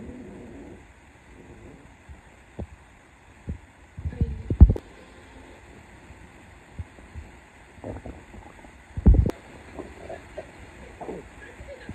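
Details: Empty stomach after 4 days without food: irregular low gurgles and rumbling bursts with louder clusters over a quiet background; borborygmi.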